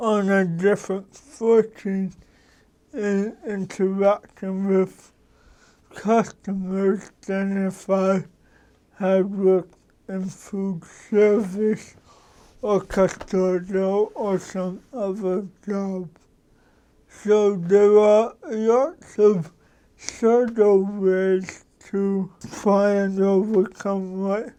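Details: Adult man with cerebral palsy, a lawyer describing his mental capacities as sharp; dysarthria in cerebral palsy.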